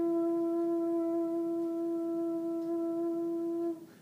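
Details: Clinician demonstrating a quiet but not breathy sustained /u/, the target phonation in Vocal Function Exercises; normal voice.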